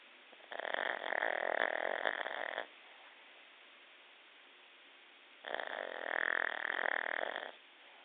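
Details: Two long, loud, buzzing snores about two seconds each, separated by quiet pauses, from a pug in deep sleep. Snoring.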